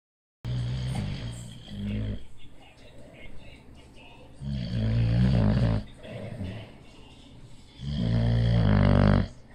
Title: My Bulldog Leo snoring.